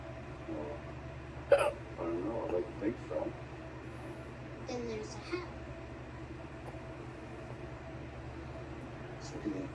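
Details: Hiccups after eating too much pizza: a few sharp, jerky catches in quick succession, heard over television dialogue and a low hum.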